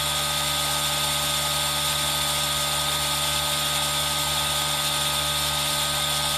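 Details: Aerosol nebulizer running, mixed with rain sound as a relaxing ASMR recording made on a Zoom H1n recorder: steady whirring hum with hissing spray, unchanging throughout.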